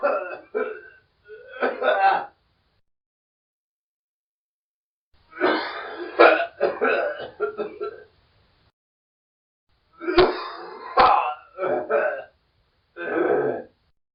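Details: Man producing groups of short, harsh, forced dry coughs and throat-clearing bursts separated by silences, recorded as a human sound effect; acted dry cough.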